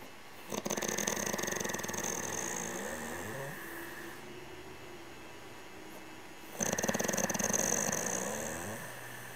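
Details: Two long, rasping, buzzy inhaled snores with a quieter breath between; snoring, recording labelled 2000 Laguna.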